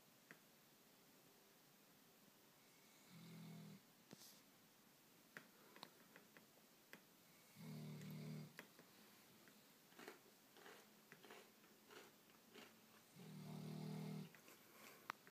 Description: It's Not Raining But The Old Dogs Are Snoring! (They're technically still puppies)